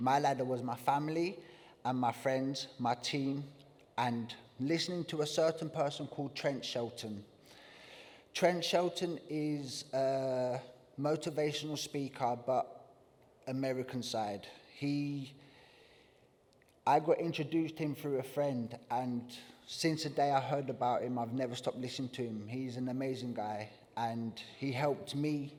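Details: Adult man with acquired neurogenic stuttering that began after a traumatic brain injury from being hit crossing the road on Christmas Day 2019. He had no stutter before the injury, also has wider communication difficulties, is practising strategies with a speech therapist, and the stammer returns when tired.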